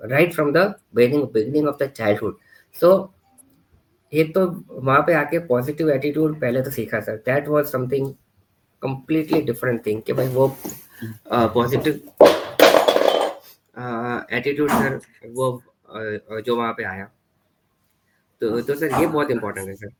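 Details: Stuttering in a 41-year-old man with previously severe stammering, who completed stammering therapy 6 years ago and still stammers on about 10-20% of his speech; he uses breathing and pauses while speaking.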